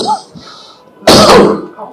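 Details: Faint speech, then one sudden loud, harsh cough burst about half a second long from a man speaking publicly, who coughs repeatedly mid-speech, fading into quiet room sound: a single dry-sounding cough.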